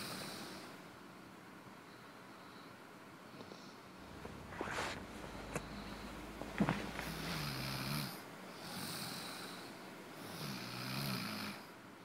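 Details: Rough, rattling breathing noises with snorting bursts during inhalation, in a quiet room: snoring.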